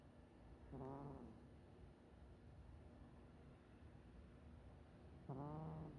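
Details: Cat snoring, weak and quiet; maximize volume to hear it.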